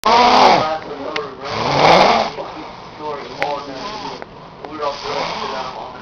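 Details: Snoring: loud, buzzing snorts in rough bursts, the first two strongest, then softer fluttering breaths.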